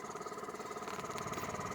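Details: Portable oxygen concentrator delivering 1 litre per minute to an older woman (the speaker's mother) through an oxygen line: steady motor hum with faint regular pulsing, running normally at a low flow setting.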